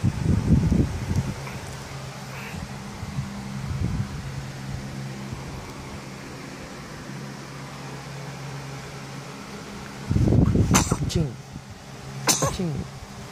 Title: My 14th days old baby gives us a morning smile and sneeze hahahaha